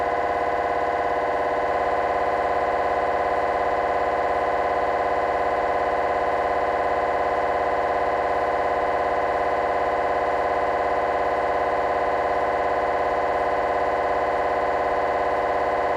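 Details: Loud, continuous, rapid mechanical buzzing with a steady tone and no pauses: gradient noise of a GE 3T MRI scanner running a T1 fast spin echo sequence during a petrous bone (Felsenbein) exam.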